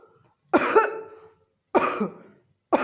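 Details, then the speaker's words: An adult's imitation of a barking cough, likened to a dog's bark. Harsh, forceful, high-intensity coughs with an abrupt bark-like onset, described with a tickling sensation in the throat. "इसमें बार्किंग जैसे कि नाम से पहचाना जाएगा कि भौंकने जैसी खांसी, इसमें कुत्ते के भौंकने जैसी खांसी आती है।"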